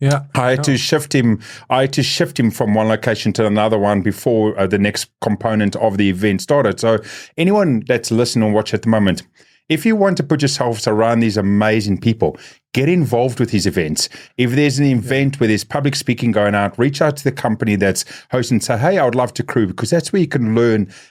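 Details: Adult male speaker; ordinary speech.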